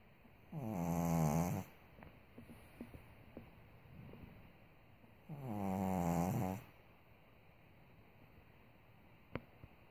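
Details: Pug who already had soft palate and nostril-opening surgery, snoring only at times: two loud, rattling snores while asleep, about 12 breaths a minute, in a quiet room; brachycephalic airway snoring.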